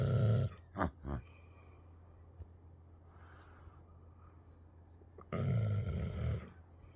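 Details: American Staffordshire terrier sleeping close to owner: low rumbling snore phases at the start and again near the end, with quieter breathing between; dog snoring.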